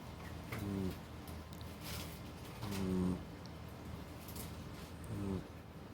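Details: Puppy snoring while asleep until she woke: soft, low, rumbling snores with each breath in, about three in six seconds, over room hiss.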